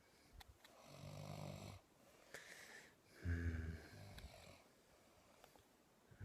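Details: Ordinary snoring at about 4am, with low rattling snores on each inspiration in a quiet room.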